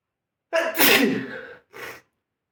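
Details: Sneezing: one loud sneeze with a sharp, explosive burst of air, then a brief, short, breathy sound.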